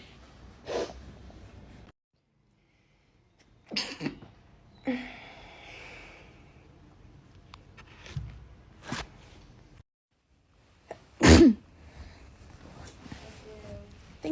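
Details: Compilation of several sharp, explosive sneezes muffled into the elbow, some preceded by a quick inward breath, separated by quiet edits.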